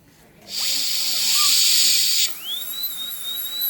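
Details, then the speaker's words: Orthodontic visit after 1 year 3 months of braces for an anterior open bite: loud high-pitched dental handpiece whine for about two seconds while removing old bracket adhesive from a tooth, then a fainter whistle. "So I'm just going to clean the glue off your tooth. A lot of noise and vibration."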